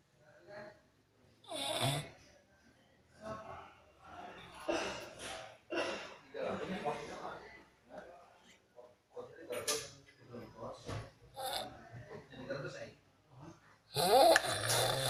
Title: Tidur ngorok